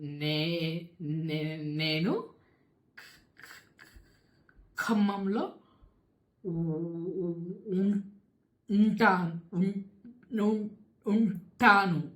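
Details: Man stuttering with word repetitions heard while introducing himself; stuttering.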